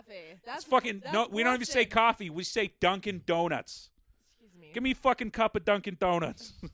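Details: Adult woman with a self-described persistent lisp she cannot get rid of: lisp (overly sibilant s).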